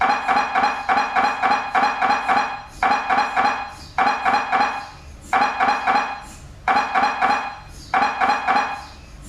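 Rapid metallic knocking in repeated bursts with short pauses between, the typical rhythmic banging of an MRI scanner.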